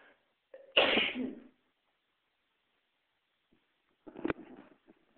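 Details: Person sneezing, recorded on a mobile phone: a quick intake of breath, a sharp explosive sneeze, then a second, smaller burst a few seconds later.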